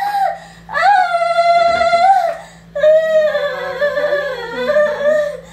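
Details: Newborn crying right after normal vaginal birth, umbilical cord noted as a double cord coil; loud, strong, drawn-out wails in repeated bursts with brief pauses.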